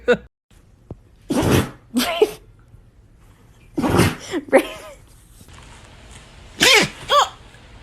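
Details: Dog having a sneezing attack: short run of about five sharp, explosive nasal sneezes with quiet gaps between them.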